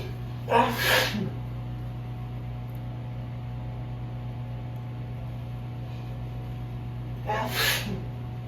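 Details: Allergic sneezing, meds wearing off, after exposure to cool breezy ragweed-filled evening air: two big, forceful sneezes several seconds apart over a steady room hum.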